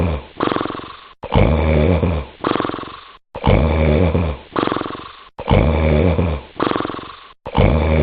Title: Snoring Compelled Minister